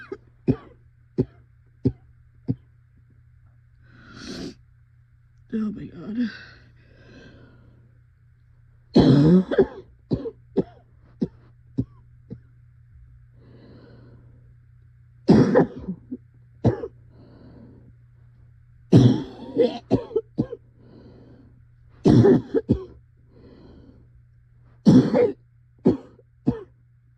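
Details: Described as the scariest coughing fit yet, never having coughed like this before: repeated harsh coughs in bursts with strained, wheezy breaths between them, a severe coughing fit.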